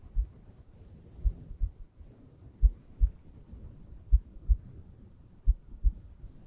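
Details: ASMR heartbeat recording meant for relaxation and sleep: soft, deep paired thumps repeating steadily at about 40 beats a minute, with a faint low hum between them; a heartbeat.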